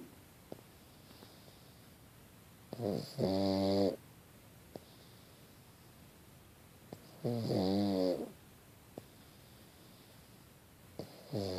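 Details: Pug dog snoring away; snoring.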